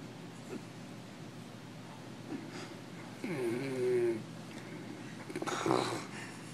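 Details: Snoring from a sleeping father who claims he does not snore: quiet room noise broken by a whistling, rattly snore, then a snorting breath.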